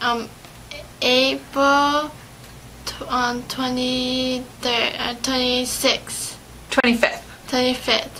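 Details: 17-year-old patient with aphasia in a speech therapy interview, retelling a story, with word-finding pauses and fillers; aphasia.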